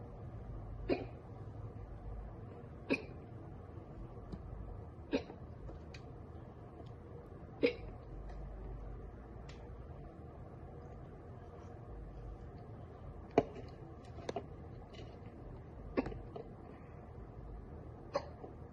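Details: Girl gets hiccups from drinking soda; about eight short, sharp hiccups roughly every two seconds over a quiet room hum: hiccups.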